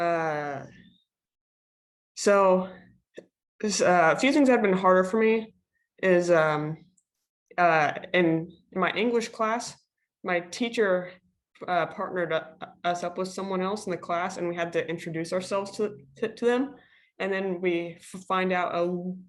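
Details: Female speaker who stutters, on a panel of people who stutter. She had online classes from the end of her freshman into her sophomore year. Stuttering.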